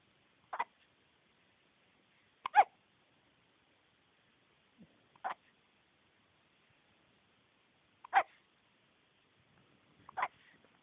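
Five short, sharp gulping bursts at intervals of a few seconds against a quiet background, typical of hiccups.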